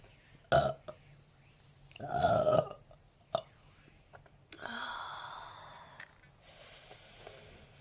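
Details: Several loud, gurgling burps in a row from an adult, with breathy sounds between; repeated belching that later turns into a hiccup attack.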